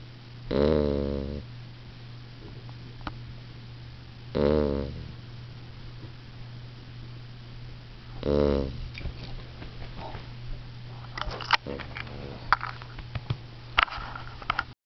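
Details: Beagle/basset puppy napping: three loud, rattling buzzy snores about four seconds apart, then softer snuffles and small clicks against steady room hum; snoring.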